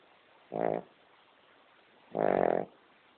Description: My dog Amber, a King Charles Spaniel, sound asleep ... snoring her head off !!! :)